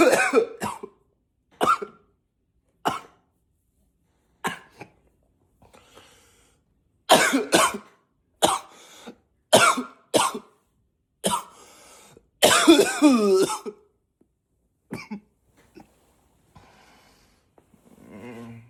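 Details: Voluntary acted coughing: about fifteen short, sharp coughs spaced irregularly, some intentionally pitched deeper.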